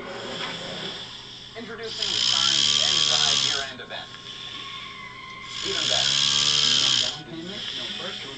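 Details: Adult male passed out asleep on a couch snoring: two long, loud, hissing and rumbling breaths about four seconds apart over steady background hum.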